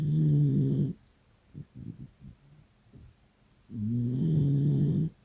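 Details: Beagle dog snoring loudly during an afternoon nap with its owner: loud, low buzzing snores on breathing in, with soft snuffles in the pause between.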